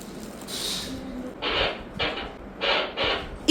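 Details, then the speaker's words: Fetal heartbeat heard at a fifth-month anomaly scan, which the doctor said was all normal: rhythmic whooshing Doppler pulses. "നിങ്ങൾ കേട്ടതാണ് കേട്ടോ ബേബിയുടെ heart beat"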